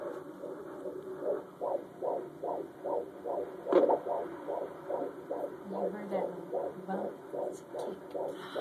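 Rapid, regular whooshing pulses at about 145 per minute over a steady hum; a fetal heartbeat at a normal rate.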